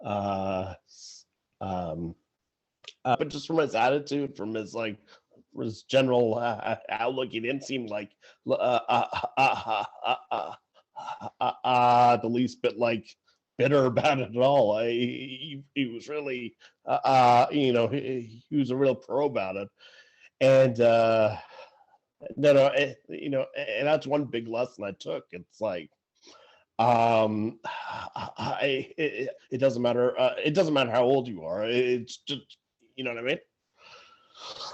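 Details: Adult man who stutters, speaking in conversation; stuttering.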